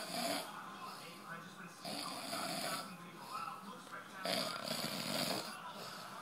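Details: Man snoring in sleep: slow, noisy, rough breaths roughly every two seconds.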